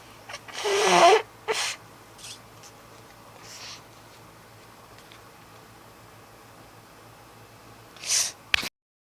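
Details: Several short, airy sneezes, two close together early and one near the end, in a quiet room; the person says they are bored; sneezes.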